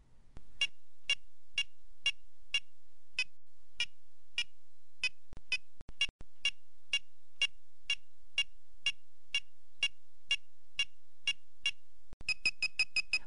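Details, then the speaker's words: Regular electronic beeps that speed into a fast, higher-pitched run as a handheld PediGuard probe contacts cortical bone during spinal pedicle preparation for screw placement. "as Petty guard detects cortical bone the surgeon can slightly redirect and resume Drilling"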